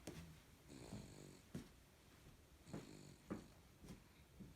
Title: Baby’s loud snores